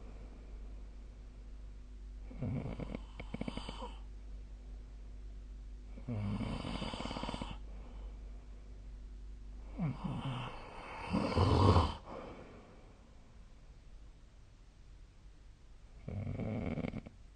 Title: 🐽 本日のイビキ / Snoring Sleep Sound 2025/03/01